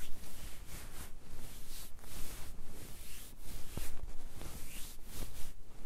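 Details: Noisy stomach growling recorded while trying to capture hunger sounds, described as digestion sounds; bowel sounds (borborygmi).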